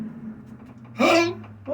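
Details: A dog gives a single brief, harsh, raspy cough-like burst over quiet room hum; owner asks what is wrong with its tongue; cough.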